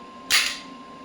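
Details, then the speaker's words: One sharp, snapping burst that quickly fades over a faint steady tone from an electromagnetic shockwave therapy applicator at low frequency; shockwave therapy applicator shot. "और साथ में आप देख रहे हैं shots भी दिख रहे हैं आपको शॉट्स कहां से हो रहे हैं 73 77 फ्रीक्वेंसी अभी कम रखी है धीरे-धीरे शॉट्स कर रहे है"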